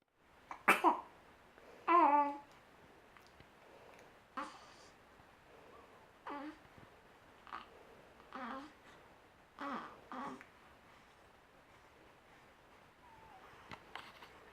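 An infant gives several short, soft coughs mixed with brief babbling and crying sounds in a quiet room.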